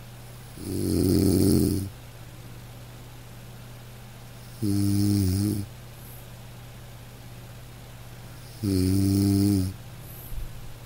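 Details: Man snoring in deep sleep: three loud buzzing snores, about 15 a minute, some with a droning tone, over a steady background hum.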